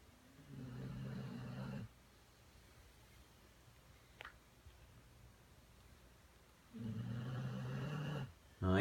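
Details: Two long, low rumbling snores several seconds apart while sleeping, recorded May 2017, with quiet breathing and room noise between; snoring.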